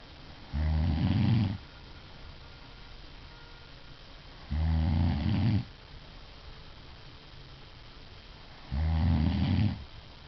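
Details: Adult woman (wife) snoring: loud, low, rattling snores, one on each in-breath, about 15 a minute, with quiet pauses between; snoring.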